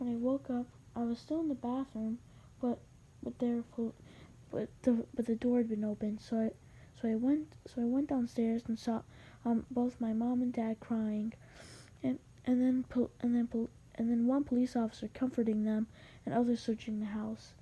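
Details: Male narrator who reports having a little stutter, narrating a story; repeated words and phrases: stuttering.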